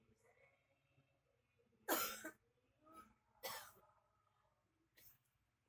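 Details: Three loose, wet-sounding coughs with softer throat sounds between them in a quiet room, from a man coughing while asleep who is said to be ill with a cough problem.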